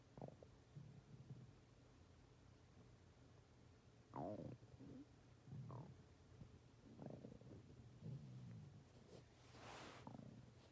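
Soft, low gurgling rumbles come in several separate bursts over a faint hiss; ordinary stomach growling from gas and fluid moving through the gut.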